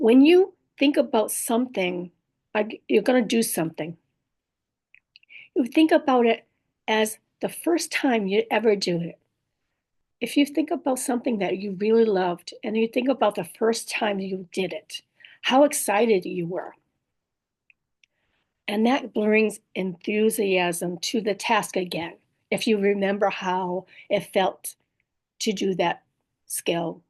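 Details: Woman in recovery after a stroke with aphasia, a language disorder, plus apraxia of speech and dysarthria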